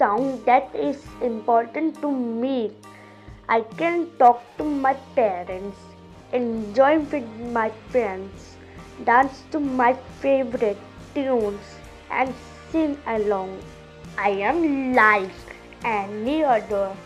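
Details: Young girl, deaf since birth, now hearing with a cochlear implant, speaking English; speech of a child with a cochlear implant.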